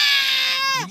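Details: Irritated, sleepy infant being urged to cry louder for the camera: a single loud, high-pitched cry, sustained then falling off at the end; ordinary crying.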